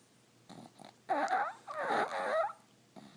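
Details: A sleeping pug snoring, twitching in its sleep.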